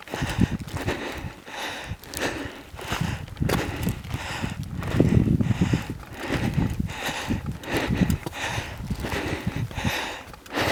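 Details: Heavy breathing from exertion while completing the final steps to the 13,078 ft (3,986 m) summit of Whale Peak, Colorado; loud, rapid, effortful breaths with footsteps and wind.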